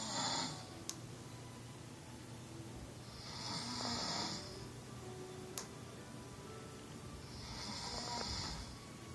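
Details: A person's loud snoring: slow, regular hissing, rasping snores, about 16 a minute, with a couple of sharp clicks in a quiet room.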